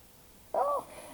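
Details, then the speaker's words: Brief squeaky tonal stomach gurgle, ordinary bowel sounds: borborygmi. "c'est l'horreur hein vous l'entendez bien garrouiller celui-là"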